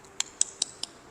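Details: Four quick, sharp, faint clicks in about a second as a stiff woman with neck and back pain is stretched by a partner in a yoga session while breathing in and out; joint cracking.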